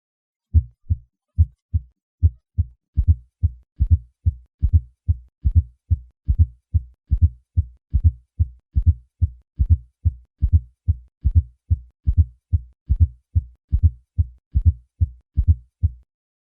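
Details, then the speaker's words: Fourth heart sound (S4 gallop): regular rhythm near 72 a minute with a soft, low-pitched late-diastolic sound just before each S1, heard with the bell applied lightly at the cardiac apex, patient in left lateral position. "the fourth heart sound is an extra hard sound that occurs in late diastole shortly before the first heart sound it is a low pitch sound and requires the use of the bell of the stethoscope applied lightly to the cardiac Apex with the patient in the left lateral position"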